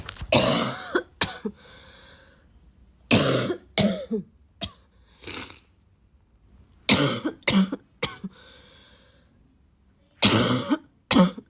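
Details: Girl who woke up coughing has a coughing fit: repeated harsh, barking-quality coughs in several bursts, about eight coughs with quiet breaths between.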